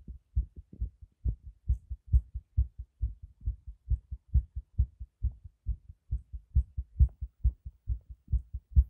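Crisp, regular paired thumps at roughly 136 beats a minute; a fast but steady heartbeat.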